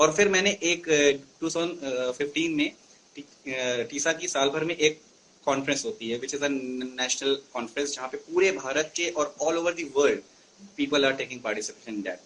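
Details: Stuttering (stammering) in an adult male, speaking Hindi in an interview.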